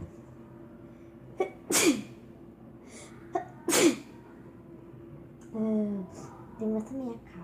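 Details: Girl with a doll sneezing: two sharp sneezes a couple of seconds apart, followed by a child's voice; ordinary sneezing.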